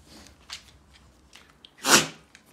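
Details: A pit bull dog on the third day of a kennel cough illness, with a runny, wet nose, gives a few faint nasal sniffs and then one sharp, hissing sneeze in a quiet room.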